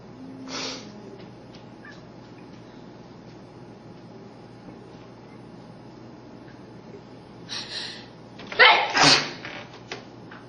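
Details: Sneezing: a faint breathy burst early, then a sharp sneeze burst with a short follow-up near the end, over steady room noise.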